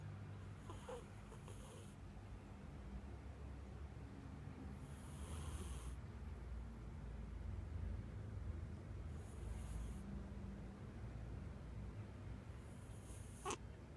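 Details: Sleeping cat with a squashed, flat-faced nose snoring: soft, low, rhythmic snores, one breath about every four seconds, over room hum; a light snore today, usually much louder.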